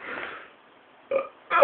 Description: had hiccups....they nearly killed him / we laughed